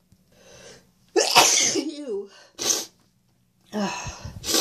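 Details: Two or three forceful sneezes from a person who says they are very congested today, each with a breathy intake before the burst, followed by a short sniff.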